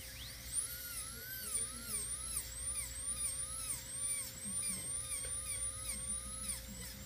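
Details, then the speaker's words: Dental handpiece with diamond bur lightly polishing lower teeth to remove surface biofilm before bonding a lower permanent retainer: high-pitched whine dipping in pitch with each light touch. "you want to make sure it's at least very lightly with the diamond bur just give it a touch the teeth because you get a biofilm on the teeth even if they just had a cleaning there's still just a little surface layer"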